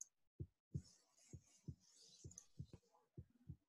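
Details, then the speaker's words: Simulated heartbeat from an anatomy app with adjustable rate, set slow: steady paired lub-dub thumps at about 65 beats a minute, normal heart sounds. "I don't know if you can hear the sound but there is the heartbeat sound you can adjust the beats per minute so obviously this is this is pretty slow"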